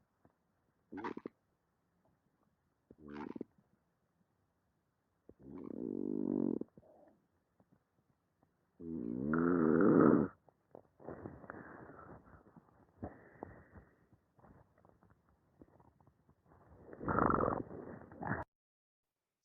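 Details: Male patient's sleep study audio with normal AHI, ODI and mean saturations: irregular loud, rough snores with brief sharp inspiratory clicks and crackles, muffled; obstructive snoring throughout respiratory events.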